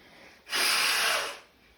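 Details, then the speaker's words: Child demonstrating nose blowing with fingers above the nostrils, both sides first then one at a time, in a COVID-19 hygiene tips recording: a single short, forceful hissing nasal blast; nose blowing. "So you put your fingers sort of above your nostrils and you do both first and then you do one each time."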